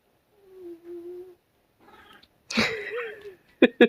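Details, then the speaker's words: Sleeping cat snoring: a soft whistling snore, followed by a short meow and a couple of sharp noises as the owner wakes the sleepy cat, noting it was snoring. "hi you were snoring you were snoring hello hi mooney how are you you sleepy"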